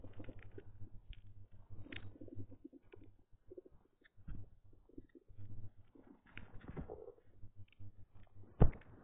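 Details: Stomach growling (borborygmi) that had been loud before recording: soft, irregular low gurgles and rumbles come and go, with brief quiet gaps and muffled rustling.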